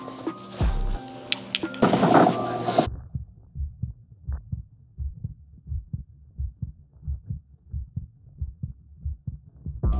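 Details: Steady, regular lub-dub heartbeats recorded with a Littmann CORE digital stethoscope on bare skin, after brief background music and handling; normal heart sounds.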